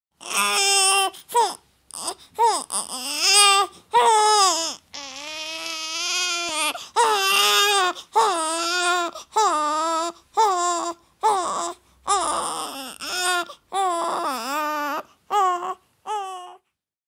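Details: Infant crying sound effect: repeated wailing bursts separated by short breaths, the pitch rising and falling.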